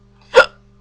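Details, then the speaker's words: Bad, persistent hiccups described as distressing: a single abrupt voiced hiccup against a quiet background with faint low hum. "I hate the hiccups oh my God I'm going to cry okay at this point this just not even okay"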